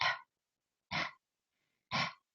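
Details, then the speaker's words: An adult imitates a breastfeeding baby's audible swallows: three short, soft throaty gulps about a second apart. This is the sound of milk going down the throat, not breathing, and is a sign of milk transfer. "in their throat you can actually hear the milk going down it's not a breath the baby's breathing through their nose it's something in the throat that you'll hear that those audible swallows"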